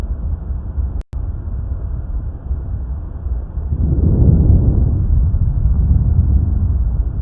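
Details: Teaching recording of normal respiratory sounds, laryngotracheal sound and vesicular murmur, with continuous inspiratory noise and a fainter, brief early expiratory component; normal vesicular breath sounds.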